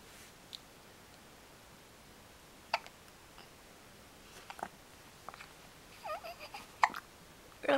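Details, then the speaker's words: Several short, quiet, sharp hiccups at irregular intervals over background room noise; recurring episode ("not again"). "no! You got the hiccups? Oh dear. Not again."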